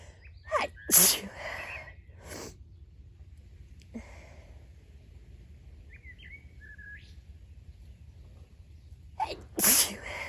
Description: A sneezy day a few weeks ago. I just sat among the flowers and let those sneezes roll!